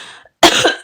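A single sharp cough from an adult woman after a brief pause, with faint voice before it.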